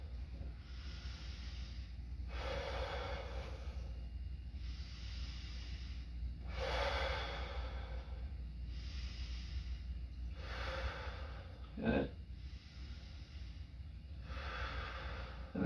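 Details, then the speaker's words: 18-year-old male, thoracic lung exam, stethoscope diaphragm on chest as he takes deep breaths: slow, even deep breaths, about 4 cycles in 15 seconds; examiner listening for bronchovesicular/vesicular sounds, normal deep breathing. "what we're listening for is we want to hear mostly uh we want to hear a bronchopassicular vesicular lung sounds in the chest there"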